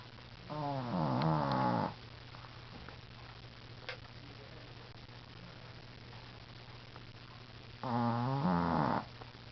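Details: A Shih Tzu dog snoring, with two loud, vibrating snores several seconds apart over a steady room hum; snoring.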